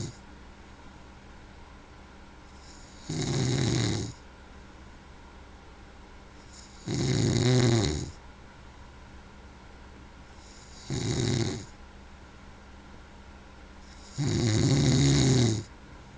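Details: A man snoring: four loud, rough snores at about 16 a minute, steady and rhythmic, with quiet pauses between; ordinary heavy snoring.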